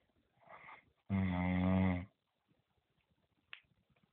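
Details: Mother snoring loudly at 20:42, heard after the recorder's full day of work: one loud, rumbling snore about a second long after a softer breath, then quiet; loud snoring.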